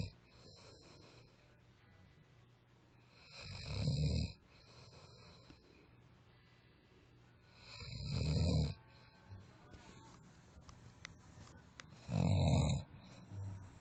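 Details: A friend sleeping snores: three loud, low, rattling snores on breathing in, about 14 a minute, with quiet breathing out between them.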